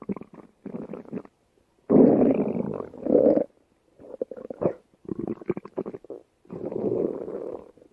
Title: (My first stomach growling video) easy angel stomach growling